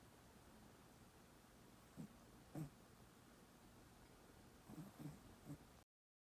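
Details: Cat snoring in his sleep, a rare occurrence: faint, brief low snorts recurring at irregular intervals over quiet room hiss.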